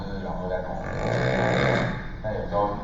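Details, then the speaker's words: Loud, low rattling snore with fluttering vibration during drug-induced sleep endoscopy, after anterior displacement; snoring pattern changes, sometimes disappearing, sometimes with residual obstruction; partial upper airway obstruction. "You can you can observe there is the snoring pattern has changed. Sometimes it disappeared but sometimes you can see there is obstruction of the amigos"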